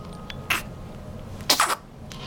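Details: Cute small sneezes: two short, sharp, hissing bursts of air with quiet between.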